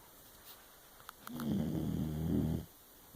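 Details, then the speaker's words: Dog (Maximus) sound asleep, a single low, fluttering snore of about 1.5 seconds with a few soft clicks before it: snoring. "Hey baby, you snoring."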